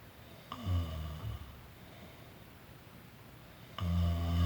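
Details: Person snoring during a daytime nap: two deep, low rumbling snores on inhalation separated by a quiet pause; ordinary snoring.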